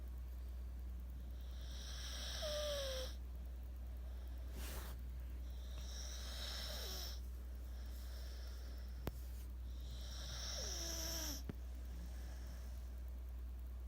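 Rhythmic snoring breaths with a whistling, squeaky note on several breaths, over a steady low hum.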